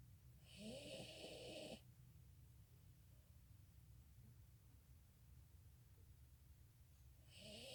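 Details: Snoring from a pet dog.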